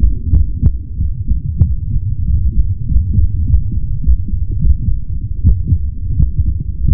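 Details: Muffled, deep thumping heartbeat under a steady low rumble, recorded very close; heartbeat.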